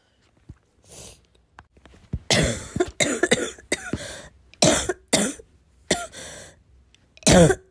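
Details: Heavy barking smoker cough; person unsure whether it comes from vaping or oncoming illness; about nine harsh barking cough bursts with throat clearing and sniffs in under eight seconds.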